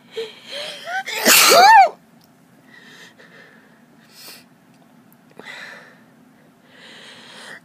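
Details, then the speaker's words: Person with severe spring seasonal allergies, itchy nose and throat, watering eyes, sneezing all day in March: one loud, forceful sneeze after a short intake of breath, then quiet breathing. "I've been sneezing all day I'd like to stop now"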